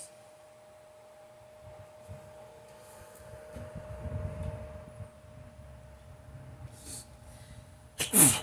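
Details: On waking in the morning, quiet sniffing and breathing build-up, then one sudden forceful sneeze; hard morning sneezing.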